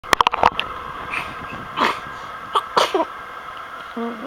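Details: A quick run of sharp sneezes followed by snorting, honking nasal sounds, a low grunt and tongue sticking out; repeated sneezing.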